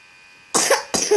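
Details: Child with cough and cold: two short, harsh cough bursts, faint hum in background.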